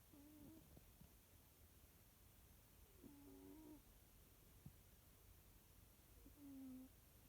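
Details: Sleeping healthy cat: soft, faint whistling snores on three breaths about three seconds apart over low room rumble; ordinary snoring.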